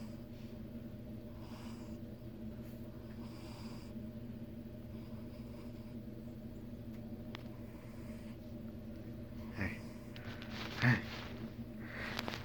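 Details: A tired cat, knocked out after a long day, snoring.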